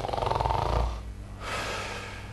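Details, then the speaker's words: Simulated snoring in a sleep apnea explanation, imitating the noise as air re-enters after a breathing pause: rhythmic rattling snore for about a second, then a pause and quieter airflow. "hay un ruido característico que intentaremos a significar lo vamos a quitar lo que ha estado desviando lo va a estar roncando"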